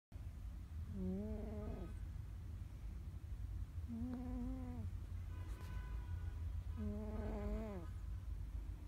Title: World's loudest cat snoring--represented by Mr Balls